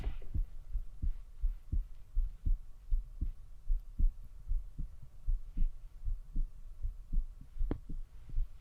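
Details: A woman listens with a stethoscope in a short ASMR-style clip; normal heartbeat.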